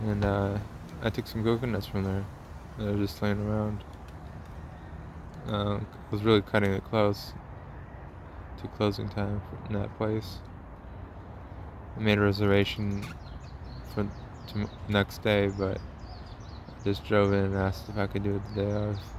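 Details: Man with a self-described speech impediment of unnamed type; disfluent speech.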